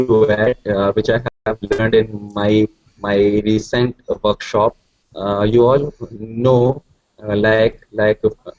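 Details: Stuttering in a man who stutters, who describes his stuttering as fluency getting locked, with many repeated sounds and syllables.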